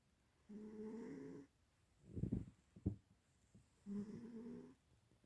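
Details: Cat snoring.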